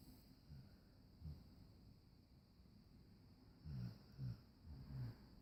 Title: Jazzy snoring away and all comfy